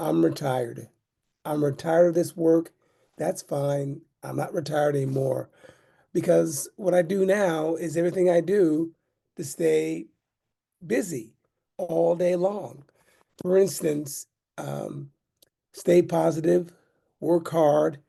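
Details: Adult man with aphasia due to a stroke in 2016, almost nine years earlier.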